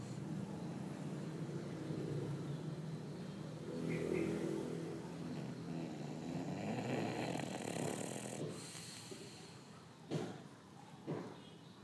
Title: Snoring Bulldog